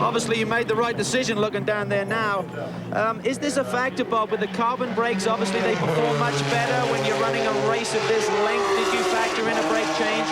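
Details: Adult male speaker; ordinary speech.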